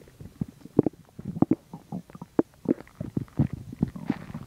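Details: Stomach digesting chicken and milk: continuous irregular gurgling and rumbling with bubbly bursts; active digestion, bowel sounds.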